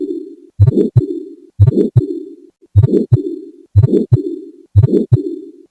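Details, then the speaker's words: Heart patient on hypertension pills for 10 years and diabetes medicines for 20 years, recently on insulin: heartbeat about 60 a minute, each lub-dub followed by a harsh rubbing, grinding sound; abnormal heart sound with added murmur. "अभी जो आवाज़ आप सुन रहे थे, ये थी दिल की आवाज़, एक हार्ट पेशेंट की दिल की आवाज़।"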